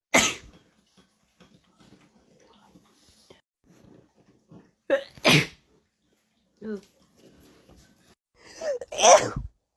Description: Short compilation of rapid sneezes